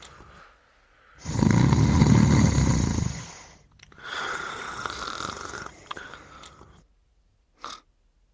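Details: Soundtrack from a series on a 1991 VHS release: a character and her dog sleeping and snoring together, with two long, rough, rattling snoring breaths and then a short snort.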